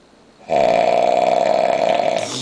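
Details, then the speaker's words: One very loud, sustained, droning two-second rattle from a man sleeping heavily while very drunk on New Year's, not woken by loud talking; heavy snoring. "yo That's like [ __ ] 3,000 RPMs holy [ __ ] I'm supposed to sleep with this [ __ ]"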